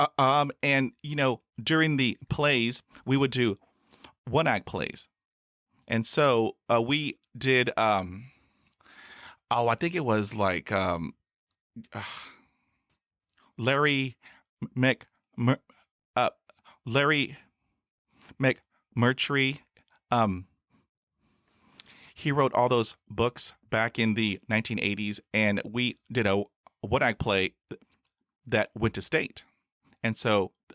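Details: Real stuttering in an adult man, a speech-language pathologist, who has stuttered since about age six; two younger brothers also stutter, and he calls his stutter fairly obvious.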